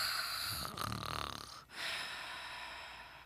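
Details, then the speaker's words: Simulated sleep apnea snoring: an adult imitates a single rough, choking snort-snore followed by a brief pause, mimicking what sleep apnea snoring sounds like. "Now, see, if Marcus had the apnea, you would know. Because this is what it sounds like."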